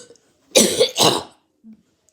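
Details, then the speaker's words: Child with a bad cough that makes his belly hurt a little whenever he coughs; two quick harsh, dry-sounding cough bursts close together, then quiet. "I have a cough. That's really bad, and my belly hurts a little bit whenever I cough."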